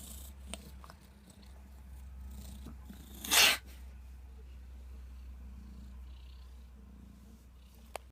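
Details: Cat, recorded when first brought home: a single short, harsh cough against a low steady hum, possibly purring.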